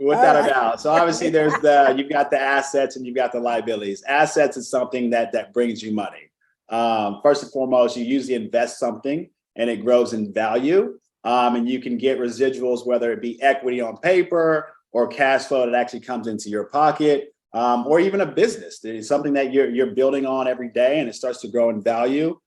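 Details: Adult male speaker; normal speech.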